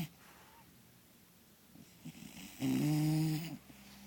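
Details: One loud, buzzing, slightly tonal snore after quieter breathing from a sleeping bulldog; snoring.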